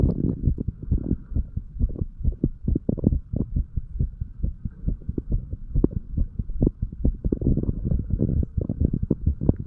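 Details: 35-year-old man, sick, heartbeat recorded with a stethoscope over the tricuspid area, then the mitral area: rapid dull thumps, roughly 130 a minute, with some rubbing noise; a fast heartbeat.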